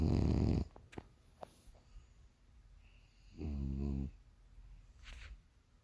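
A loud rough snore, then a shorter buzzing snore a few seconds later, with faint clicks between; snoring during sleep.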